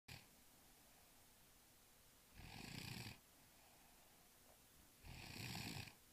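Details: Two loud rattling snores on the in-breath, about 2.7 seconds apart, roughly 22 breaths a minute, with quiet gaps between; snoring.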